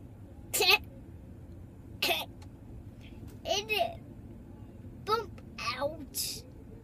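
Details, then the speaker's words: Young boy's hiccups heard while he talks with his mother: brief, abrupt gulping catches about every one to two seconds over quiet room noise, some voiced. "I like your hiccups they're"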